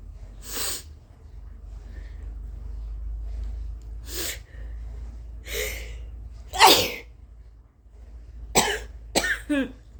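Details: Sick adult with suspected 24-hour stomach bug or flu and what felt like a fever of at least 101, coughing uncovered: about seven loose, forceful coughs with one sneeze, over low room hum.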